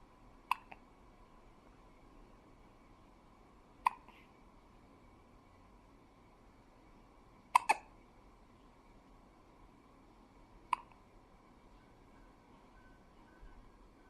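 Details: Newborn baby, 2.5 days old, with hiccups: sharp, brief hiccup sounds repeating at irregular intervals, about five in fourteen seconds, one doubled, over quiet room noise.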